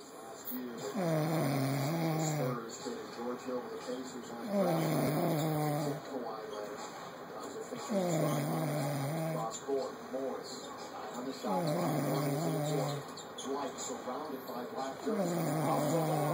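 Rhythmic low snoring with a buzzing, whistly edge, about 17 breaths a minute, steady through several cycles; ordinary snoring.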